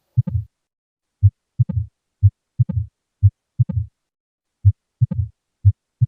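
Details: Regular heartbeat near 60 a minute, heard with stethoscope, with a soft fading whoosh right after the second sound: early diastolic murmur.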